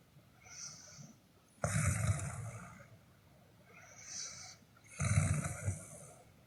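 Two harsh, low rattling snores on breathing in, each followed by a softer breath out, at a slow sleeping rate.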